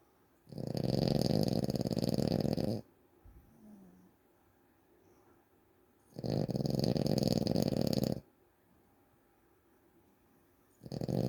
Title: snoring Feb 2025